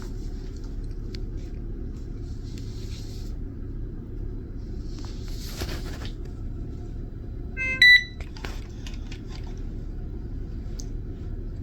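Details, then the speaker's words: Single short electronic beep as the on-off button of an Avoset infusion pump is pressed to switch it on before starting an infusion; infusion pump power-on beep. "Turn the pump on by pressing the on-off button."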